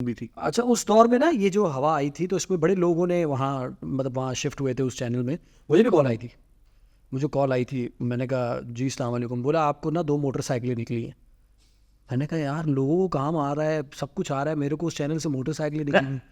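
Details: Adult man; typical speech.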